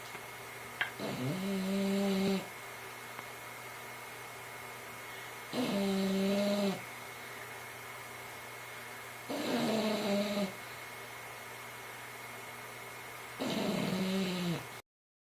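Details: Sleeping pet snoring: four drawn-out snores with a whistling nasal tone, about 15 a minute, over steady room hum; snoring in a sleeping animal.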